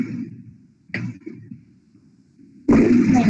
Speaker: Coarse crackles are louder, lower pitch, and longer.